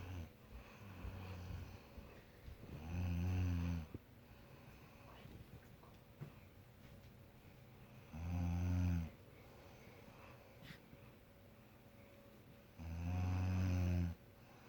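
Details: Snoring: loud, low rattling snores on each breath in, about 12 a minute, with quiet gaps; ordinary snoring.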